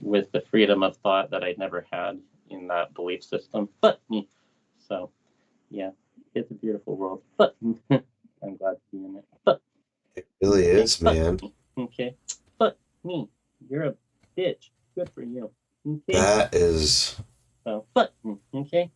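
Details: Adult male BMX rider with lifelong, worsening Tourette syndrome; swearing and vulgar tics began around age 35; vocal tics with coprolalia (Tourette syndrome).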